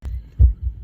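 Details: Heartbeat played through a speaker at a pulse-check attraction, brief snippet of deep dull heart thumps; reported as a normal heartbeat.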